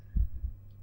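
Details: The recording person's own heartbeat, heard through a stethoscope whose earpieces feed a binaural 3Dio microphone in an ASMR recording: soft, low thumps, about one beat in this brief moment.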